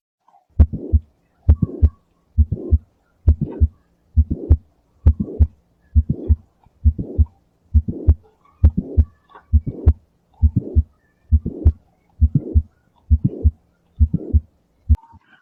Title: Medicine 153 Mitral Valve Prolapse MVP click late systolic murmur stand squat